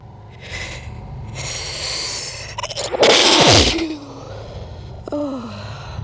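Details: A single adult sneeze played slowed down: an in-drawn breath, then a loud drawn-out burst with a falling tail; sneeze.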